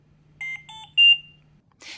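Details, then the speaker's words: Trilogy 100 ventilator medium priority alarm: three beeps of differing pitch in a repeating pattern while the audio pause button flashes yellow; needs prompt attention, can be silenced for a minute with audio pause. "hear three beeps in a repeating pattern and the audio pause button flashes yellow medium priority alarms require prompt attention"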